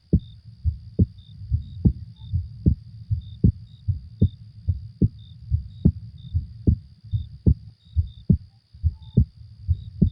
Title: Let my Heart Sound ♥️ Accompany You To Sleep 💋💤